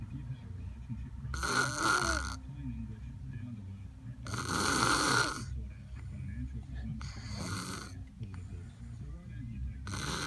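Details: Person sleeping while wearing sunglasses: repeated rattling snores, about four in ten seconds, each with a whistling edge, over steady background noise; snoring.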